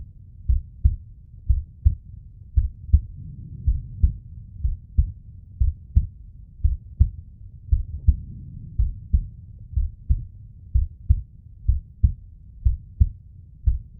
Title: Warwick (slow motion) (heartbeat sound)